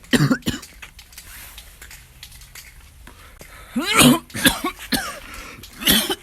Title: Awesome cough #7